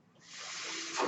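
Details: A steady airy hiss building over about a second, the breath delivered by the speaker's own mechanical ventilator while talking.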